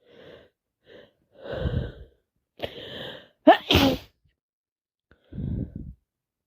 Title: Full of a cold day 3 non stop sneezing and sniffing